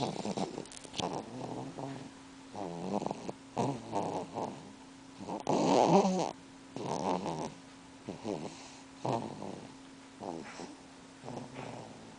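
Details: Baby snoring while napping beside mother: soft fluttering snorts and snuffles repeating with each breath; light infant snoring.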